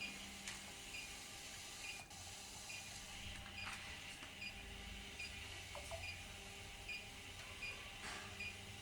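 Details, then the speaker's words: Quiet mechanical whirring, hiss and faint repeated short tones as an ECG machine runs and prints a demo trace on the presenter, who lies still and silent; the trace is read as a normal ECG. "সেই টাইমে এখানে run. Run মেরে দিলেই আমার গ্রাফটা এখানে উঠে চলে আসবে।"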